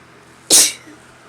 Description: Woke up sneezy :)